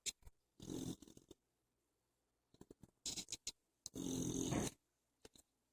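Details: Irregular snorting snores with short clicking nasal sounds between them from a sleeping animal in a quiet room; snoring.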